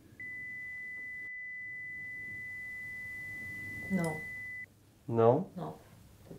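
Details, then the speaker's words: A steady, fairly high pure tone played to a patient at a hospital tinnitus and hyperacusis research clinic to match the pitch of their tinnitus, followed by brief spoken replies; tinnitus pitch-matching tone. "Est-ce que votre acouphène ressemble plus à un son comme"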